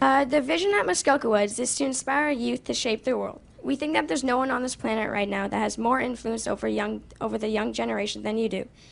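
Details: Child; typical speech.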